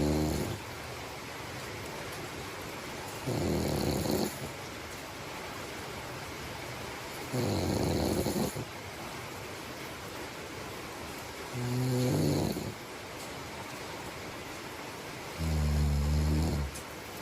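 Four low, rattling snores roughly every four seconds over steady room hiss: ordinary snoring during sleep.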